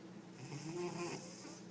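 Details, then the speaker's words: Rex, a cat, sleeping on a table: a single rough, rattling breath sound; snoring, described by the owner as loud and rough. "Rexy, wake up. You're snoring. Rexy, you're loud. Wake up. Hey, you're snoring."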